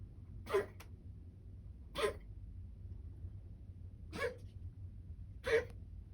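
Four short, harsh, explosive bursts spaced a second or two apart over a quiet background; a dog's cough.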